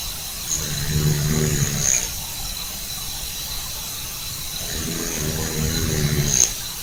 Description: Sleeping tabby sawing logs. Louder snore than his owner!